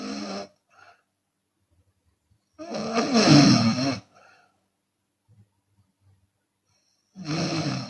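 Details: Two loud, rough, rattling snores with quiet pauses between, the second softer, from a Chinese woman snoring with her mouth open.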